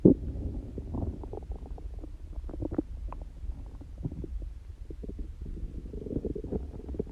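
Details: Person whose stomach growls very often, not hungry and without stomach pain: continuous low gurgling and rumbling with bubbly pops; stomach growling (borborygmi).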